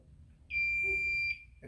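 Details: A single steady high-pitched beep just under a second from an automated external defibrillator during AED training, its power-on tone before voice prompts; AED power-on tone.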